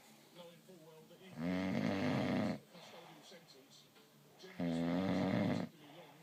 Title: snoring